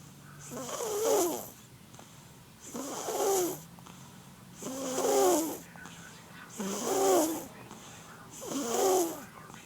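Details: 11-month-old infant snoring while asleep: soft, rhythmic rattling snores with each breath, about 31 breaths per minute.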